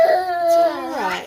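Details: A single drawn-out, high-pitched wail from a one-year-old boy who woke crying and would not settle for about 5–10 minutes; parent suspects teething or growing pains; infant crying.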